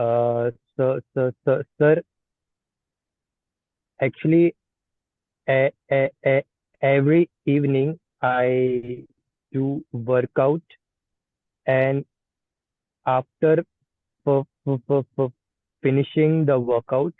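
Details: Person who stammers, practising pull-out and cancellation techniques in an online stammering practice group; repetitions audible; stuttering.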